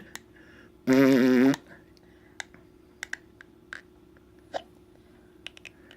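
A brief infant vocal sound, then several soft, sharp clicky catches at irregular intervals in a quiet room; infant hiccups.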